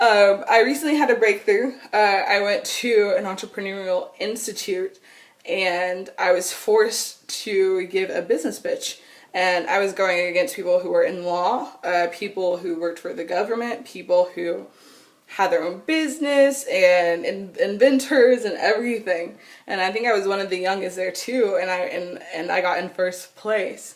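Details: Adult woman with lifelong stuttering since childhood that has not been outgrown and still continues.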